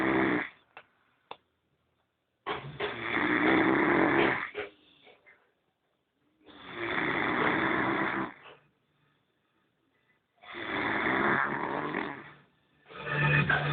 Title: El Ronquido :D